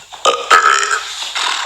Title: Best Burps